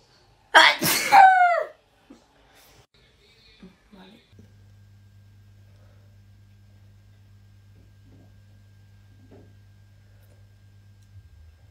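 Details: One loud, double-peaked reflex sneeze, then near silence with a faint steady hum; a young woman sneezing during a Covid-19 nasal swab test.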